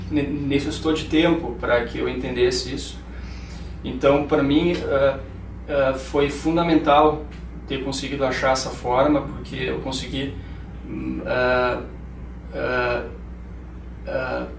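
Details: 31-year-old male neurologist with lifelong stuttering, familial (father and grandfather stutter), severe during medical school, now milder when speaking more slowly and with concentration; stuttering.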